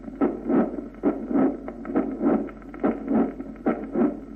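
Regular heartbeat near 70 a minute with a soft noise building toward the second sound in each beat: a late systolic crescendo murmur of mitral valve prolapse.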